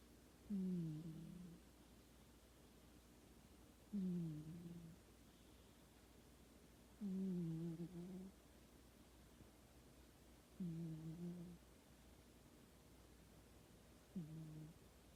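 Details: A sleeping cat snoring with soft, low, slightly tonal rumbles on each breath, about 18 a minute.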